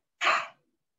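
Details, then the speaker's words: One short, forceful open-mouthed breath out without the sharp catch of a cough. It is a huff demonstrated in an effective-cough exercise for Covid patients, used to move phlegm without forced coughing. "itu dengan hentakan tetapi bukan di batukan jadi dihembusin yang kedua masih dengan having ketiga yang kelima baru"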